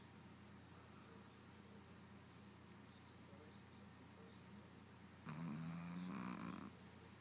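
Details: Snoring.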